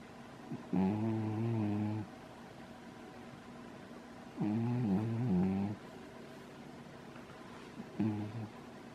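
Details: Lying in a crystal bowl with head upside down, three long, low, buzzing snores on breaths in, roughly 16 a minute, with quiet room noise between; loud snoring during sleep.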